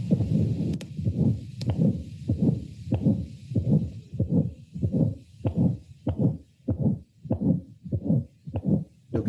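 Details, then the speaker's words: Newborn with suspected tetralogy of Fallot (enlarged right atrium, upturned apex): fast regular heartbeat about 95/min with harsh blowing systolic ejection murmur separated from S1, an obstructive murmur: pulmonary stenosis. "en dise qu'on entend c'est un souffle et gestionnaires d'accord le souffle il est détaché du premier bris du gher donc ça veut dire que pendant la contractualisation lumix le coût de revente en bas le soffons donc c'est un souffle et gestionnaire de sa lancée"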